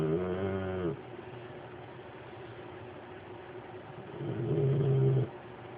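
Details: Snoring: two low, buzzing, tonal snores about four seconds apart, with quiet breathing and faint room noise between.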